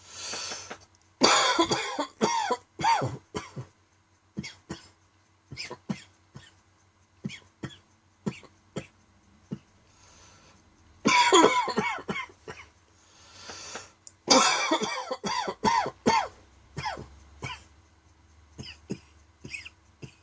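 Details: Dry coughing fit in the afternoon: repeated sharp, dry coughs in clusters with brief pauses between bursts.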